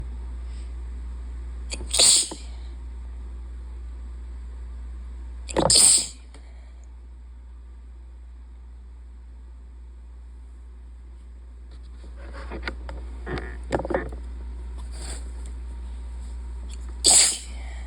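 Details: Allergy sneezing on a high-pollen day with the window open: three sharp, explosive sneezes several seconds apart, with quiet sniffing between over a low hum; sneezing.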